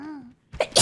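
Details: Short rising voiced "ah" and pause, then a sharp, hissy explosive single sneeze from a female VTuber during a game stream, followed by "bless you".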